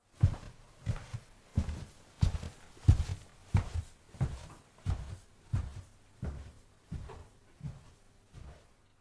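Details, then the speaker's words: Simulated unilateral hearing loss (severe to profound loss in the left ear, normal right ear): footsteps walking from right to left, whose direction is hard to locate compared with normal hearing. "However listen to the same walking sounds with a unilateral hearing loss."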